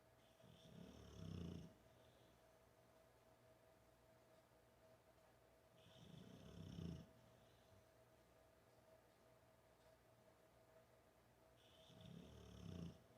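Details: American Bulldog asleep on a couch, snoring non-stop, recorded from six feet away with no microphone or amplification: slow, rumbling snores about five seconds apart, roughly 11 a minute, each a low vibrating inhalation, over room hum.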